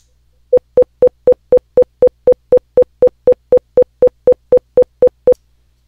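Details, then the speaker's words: 500 Hz tone-burst auditory brainstem response (ABR) stimulus: evenly spaced short mid-pitched tone pips, about four a second, an alternative to the click ABR used in hearing testing. "the most popular one is Click based abbr it's like alternatively 500 HZ based AB can be"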